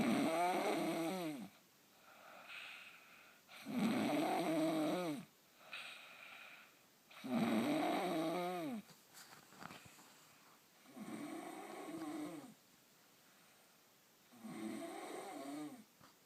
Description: My sister embarrassingly snoring at night very loud